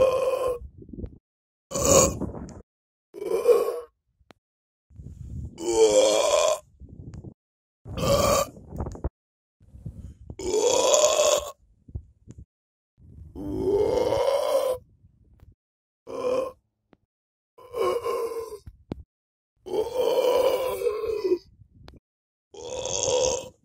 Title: Burp at dyke 😎 || Rülpsen am Deich 😎